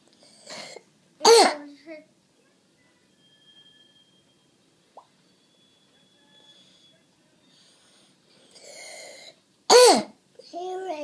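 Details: Young child with croup: two harsh, barking coughs with a noisy indrawn breath between them.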